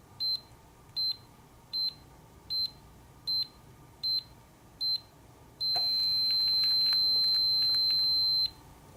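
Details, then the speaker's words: Seven short high beeps about every 0.8 seconds, then a sustained tone with clicks, as an automatic blood pressure monitor's arm cuff tightens during a home check by a relaxed gardener; reading 138/87. "so let's see what my blood pressure is let's start i have the cuff tightening around my arm"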